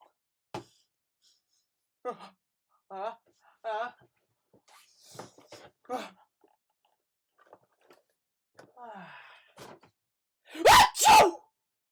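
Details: Sneezing in a comedic tissue advertisement: sniffs and moaning vocal sounds, then two loud sharp sneezes close together at the end.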